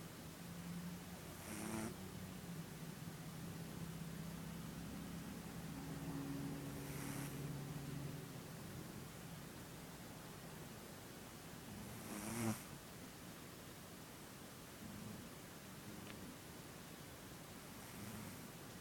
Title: Cat snoring